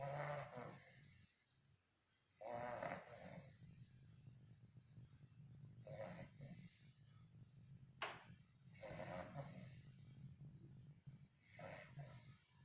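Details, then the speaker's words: Rhythmic noisy breathing, about four to five breaths in the clip, with quiet room noise between; snoring in a sleeping dog named Buster, caught on camera. "Snoring, you're snoring."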